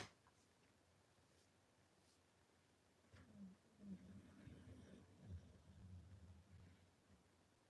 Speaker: Can you guys hear the dog snoring away?